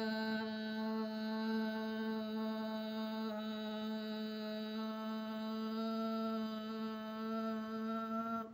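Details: Singer with hoarse voice (dysphonia), recorded after 2 weeks of online speech and voice therapy; normal voice quality after voice therapy.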